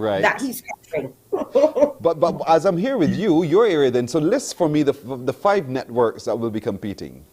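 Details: Adult speaker; typical voice.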